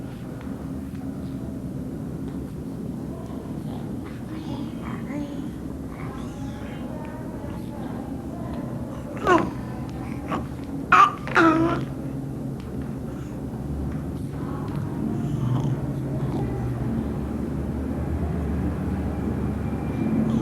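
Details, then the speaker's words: IMCI training case, child aged 2 months to 5 years: faint wet, snuffly noise with each breath in and out, judged not stridor but a blocked nose; nasal congestion noise. "we heard a wet noise when simbol was breathing in and out the therefore we decided that simbo did not have stridor but a blocked nose"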